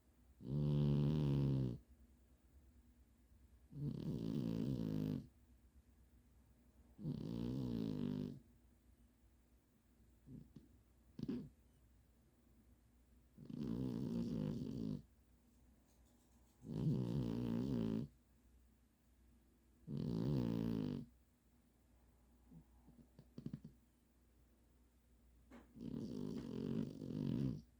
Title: eggs snoring